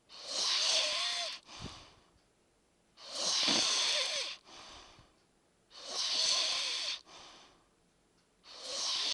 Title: Snoring